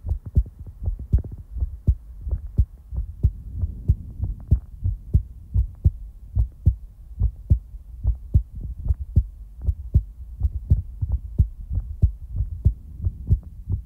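Steady, regular deep thumps in lub-dub pairs, roughly 75 beats a minute, with a low hum underneath; a normal heartbeat.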